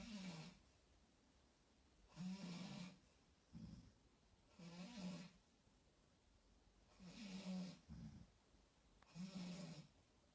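Repeated low, rattling snores from two sleepers, overlapping and irregular, several within ten seconds; snoring.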